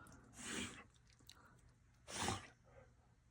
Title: Poor stuffed animal, Sandy got to much stuffing in her nose #sneezing #stuffedanimals #dogtoys